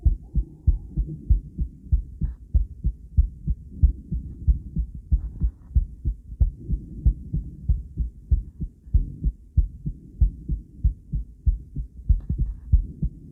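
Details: Doppler ultrasound recording of an adult female's heart with steady low whooshing thumps at about 95 a minute and some noise at first; normal heartbeat.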